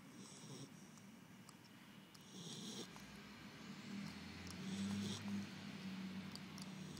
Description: Sleeping snores.